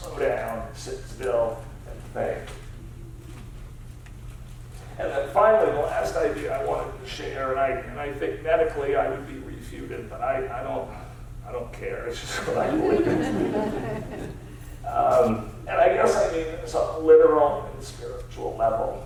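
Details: Adult male with spasmodic dysphonia, a rare neurological disorder affecting only speech with no known cause or cure, treated with periodic Botox injections; spasmodic dysphonia.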